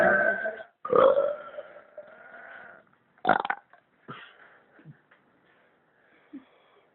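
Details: Deliberate, voluntary belching recorded on a phone microphone: one long drawn-out voiced belch, then a sharp burst and several fainter short gulps, with hiccups also mentioned.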